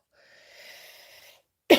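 A soft, drawn-in breath followed after a brief pause by a sudden loud explosive burst: a single sneeze, cut off at its peak.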